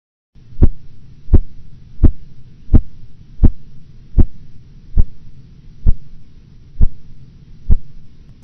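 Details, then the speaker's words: Korotkoff phases 3 and 4 during blood pressure measurement: ten regular, soft, muted tapping thumps over a low hum as cuff pressure nears diastolic, usually within 10 mmHg of true diastolic. "Phase 3 and 4 sounds are muted changes in the tapping sounds that occur as the pressure measurement approaches the diastolic pressure, usually within 10 millimeters of mercury of true diastolic pressure."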